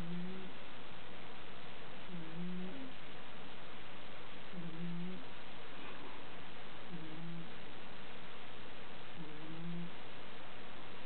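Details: Sleeping overweight female cat wheezing/snoring: soft, regular, low rumbling snore with each breath, about one every 2.3 seconds.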